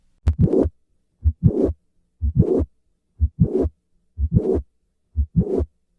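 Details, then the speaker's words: Mitral valve prolapse: regular heartbeat at about 60 a minute, each beat with a mid-systolic click followed by a rough late systolic murmur of primary mitral regurgitation. "listen once again to the murmur of mitral valve prolapse"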